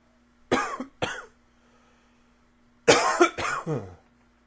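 Two pairs of sharp, moist-sounding coughs separated by a pause, about four coughs in all, with a faint steady hum behind.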